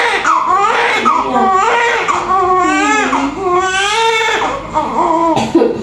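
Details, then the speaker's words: Loud, sustained rising and falling cries of a big newborn just after normal vaginal delivery, with room voices in the background: a vigorous normal newborn cry. "Iyak ka baby"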